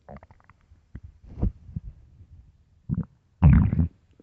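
Irregular deep gurgles and rumbles ending in a loud growl; stomach growling from an empty stomach.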